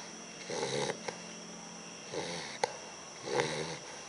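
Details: Sleeping bulldog puppy; soft rattling snores with each breath, about three in four seconds, in a quiet room; snoring.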